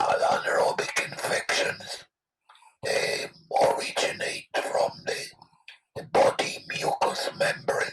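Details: Adult man without vocal cords after total laryngectomy for throat cancer 13 years ago; very weak voice; alaryngeal speech after total laryngectomy.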